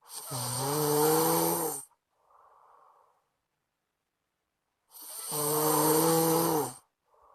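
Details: Friend snoring loudly, keeping the recorder awake: two loud, rattling, drawn-out snores on breathing in, each followed by a soft breath out, about 15 breaths a minute.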